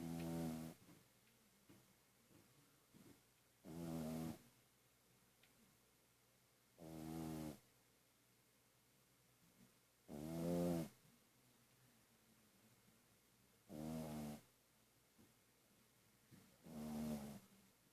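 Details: Pug-a-Poo dog snoring: six loud rattling snores about every three seconds, roughly 20 breaths a minute, with quiet breathing between.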